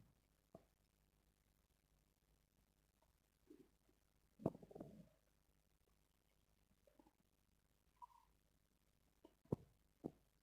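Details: Soft gurgles, squeaks and low rumbles at irregular intervals from a quiet belly; ordinary stomach growling, bowel sounds (borborygmi).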